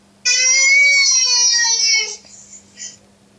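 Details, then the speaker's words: Recorded baby cry played back to test a phone's baby-cry detector: single sustained infant wail about two seconds, then brief softer sobs: infant crying. "Now you can see the phone is detecting the baby crying sound and it's showing you right here."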